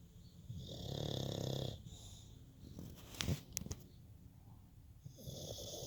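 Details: Sleeping dog snoring: a fluttering, rattly snoring breath followed by quieter breathing and a few sharp clicks or snorts.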